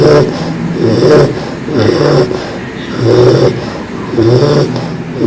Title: Loud Snoring Bulldog